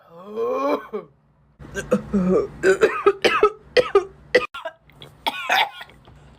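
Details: Girl coughing: a voiced throat sound, then a string of short, sharp cough bursts with brief pauses between them.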